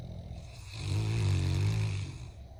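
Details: Loud snoring: one loud, deep, rumbling, low, throaty snore on an in-breath.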